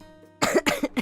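A short run of about three quick, harsh coughs follows a brief quiet stretch with faint background tones; an acute cough.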